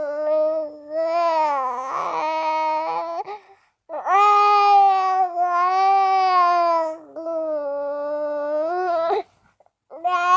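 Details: Infant crying from a baby boy: sustained, tonal cries in several long wails with brief pauses between them.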